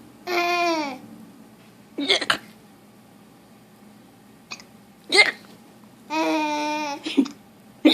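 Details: Grandmother's hiccups making a baby laugh; several short, sharp throat catches from the adult between bursts of infant laughter and babble; hiccups.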